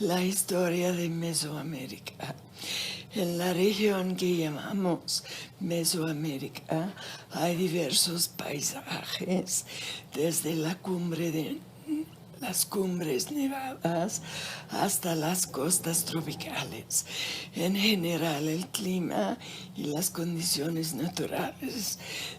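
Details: Woman with spasmodic dysphonia reading a text aloud, shown as a real clinical example; spasmodic dysphonia.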